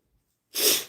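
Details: Rescue cat: a single short, sharp sneeze, a quick hissing burst after a brief silence.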